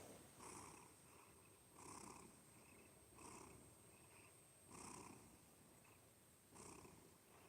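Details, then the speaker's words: Cat purring through his nose, nose not clogged and not sneezing per owner: steady, raspy, nasal, snore-like purr swelling louder with each breath at about 40 cycles per minute. "So he he just figured out he could purr through his nose and he just likes to purr. It's It's funny as hell."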